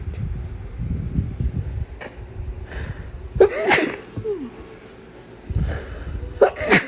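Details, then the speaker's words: Two forceful sneezes, intentionally brought on after trial and error, with the person trying to stifle them; sharp bursts of air after brief in-breaths, among sniffs and quieter breathing; the person says the sneezing hurts; sneezing. "Oh my god, it hurts so bad. very tense. Honestly, probably have never sneezed like this in my life. But hey, at least it works."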